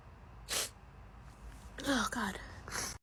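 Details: A girl's sneezing fit during a COVID test, tagged allergies, edited as a loop: three quick airy sneezes, the middle one voiced with a drawn-out vocal release.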